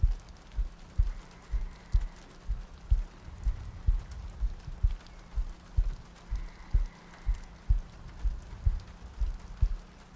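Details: Sleep-aid ASMR loop with soft breathing and rain ambience: soft, steady paired thumps at about 62 a minute under gentle rain; a calm, regular heartbeat.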